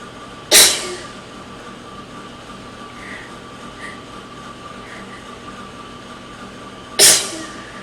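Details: Person with a cold sneezing in an echoey bathroom with air conditioner noise in the background: two sharp, explosive sneezes about six seconds apart.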